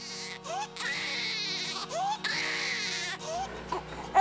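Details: A newborn cries in repeated rising and falling wails with short breaks between them, over background music: ordinary infant crying.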